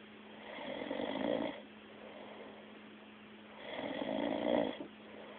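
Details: Snoring, recorded 2007: two long, rasping snores on the in-breath about three seconds apart, with a steady hum in the background.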